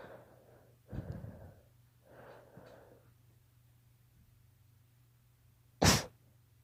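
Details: A daughter's allergy sneezes: several catching in-breaths, then one sharp, explosive sneeze.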